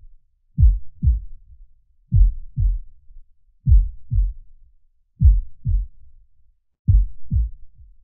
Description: The natural sounds of a heart beating at rest with soothing imagery.